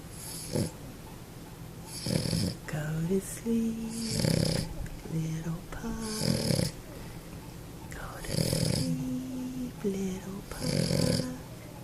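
Snorting, rattling snores with whistling notes between breaths, about five in twelve seconds, from a flat-faced small dog.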